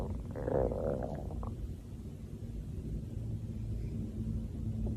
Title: Stomach Growling Vol 4